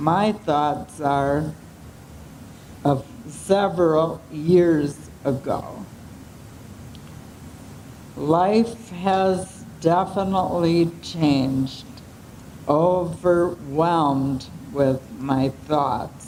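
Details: 75-year-old woman with ALS, with slow speech, voice changes and swallowing difficulty; dysarthria.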